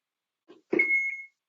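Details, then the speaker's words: CPR and AED basics class demonstration by a CPR instructor, AED switched on mid-compressions; a button click followed by a single steady high-pitched beep: AED power-on beep. "so if i'm at 16 17 and someone brings the aed i stop i turn it on i have a power button here"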